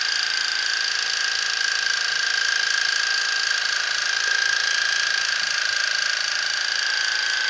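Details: Ear irrigation with a modified Waterpik for impacted earwax, both ears blocked: steady high hiss of pressurized water spray with faint gurgling while flushing the canal; patient slightly dizzy.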